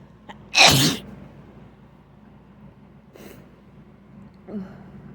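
One loud, sharp sneeze burst, followed by a softer sniff and a faint breath in a quiet room.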